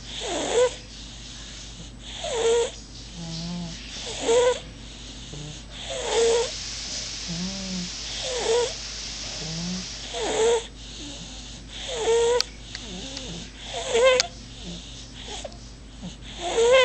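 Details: Sleeping baby boy: soft, regular snoring breaths, about 30 a minute, with small squeaky sounds between them, over a steady room hum; snoring.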